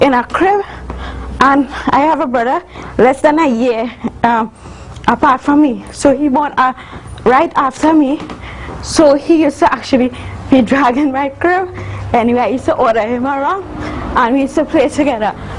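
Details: Adult woman, university student, with congenital cerebral palsy involving spasticity (stiff muscles) and athetosis (uncontrollable movements); dysarthria in cerebral palsy.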